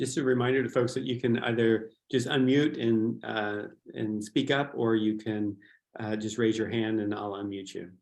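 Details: Adult speaker; Normal speech.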